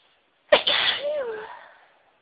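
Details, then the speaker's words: One sharp, high-pitched sneeze that trails off into a brief voiced tail, from a very sneezy person recording varied sneezes. "Oh, I need to sneeze. Chew. Excuse me. Oh, sneeze. Sneeze."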